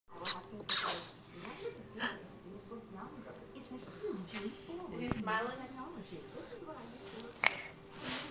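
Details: Dog (Rolls) fake sneezing: several short, sharp sneeze bursts with snorting breaths in between; repeated sneezing.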